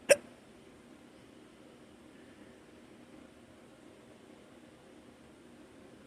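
A single sharp, abrupt hiccup at the start, then quiet room noise. An ordinary, harmless hiccup.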